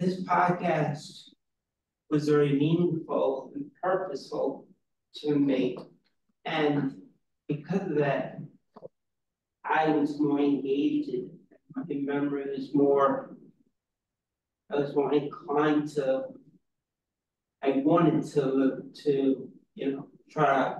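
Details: Real person with aphasia, a member of an aphasia institute who helps train conversation partners; aphasia.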